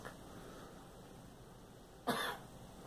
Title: Girl coughing